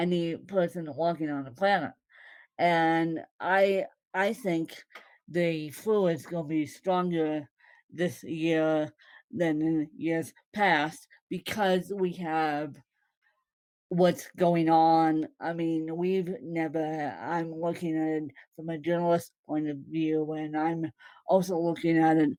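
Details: Possible mild dysarthria in a woman born with cerebral palsy (congenital); no speech disorder is named by the source.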